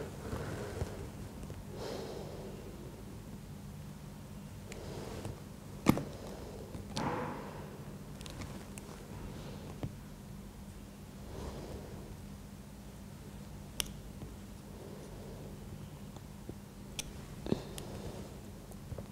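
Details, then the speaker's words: Pediatric physical examination teaching: stethoscope auscultation over a child's abdomen, divided into nine regions, checking bowel sound rate (over 20 per minute suggests hyperperistalsis); soft, intermittent gurgles consistent with normal bowel sounds. "Apakah ada bising bising usus nya bagaimana cepet atau enggak gitu"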